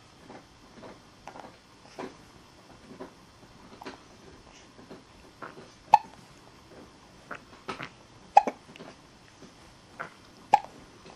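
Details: An infant just under two months old with small, sharp hiccups recurring every few seconds and soft breathing between: ordinary infant hiccups.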